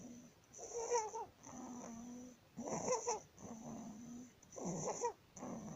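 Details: Inspiratory stridor in a 19-day-old baby with laryngomalacia.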